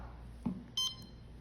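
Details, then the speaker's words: Click then single short beep as a CADD Prizm infusion pump is stopped by pressing stop while running, display showing volume 131 ml; infusion pump stop beep. "so here it tells you the volume is 131 ml and it's currently running to stop the pump we're going to go ahead and press stop"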